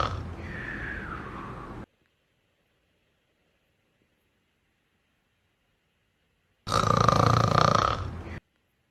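Two rough, fluttering snores from a sleeping cat, separated by several seconds of quiet.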